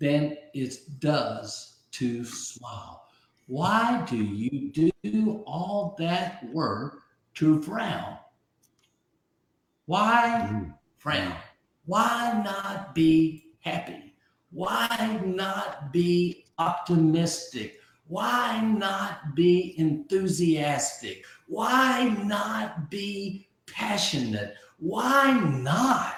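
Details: Man with aphasia after a stroke about 15 months earlier at age 62; initially could not read, write or talk, for a month could say only one word, relearned speech syllable by syllable; aphasia.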